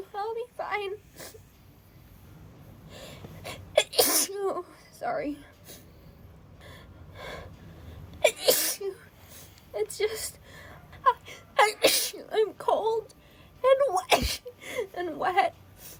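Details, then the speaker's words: Acted, simulated scene of a girl soaked in rain and complaining of headache, sneezing rapidly: a run of repeated sharp sneezes with gasping in-breaths between them. "wet I can't stop sneezing"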